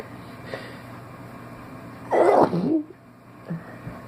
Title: Wake up sneezing